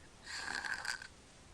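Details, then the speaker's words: Sleeping infant, mouth-breathing, nose not congested, recorded February 6, 2009; harsh rattling snore-like breath with faint whistle, gasping after breath-holding with no air entering lungs; obstructive snoring, obstructive sleep apnea. "you can hear him snoring he's breathing through his mouth nothing's nose and he's not congested now okay there he goes saw that no he's gasping for air the breath they took beforehand he was actually not getting anything into his lungs"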